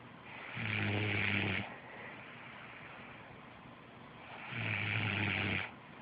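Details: Snoring from a sleeper jokingly described as a hibernating mother bear: two long, loud, rattling snores on the in-breath, about four seconds apart, with low buzzing roughness; ordinary heavy snoring.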